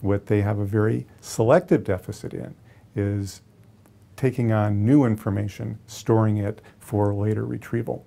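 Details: Adult male lecturer; normal speech.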